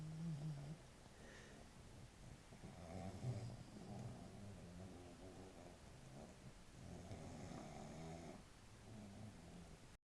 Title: my snoring pug bruzer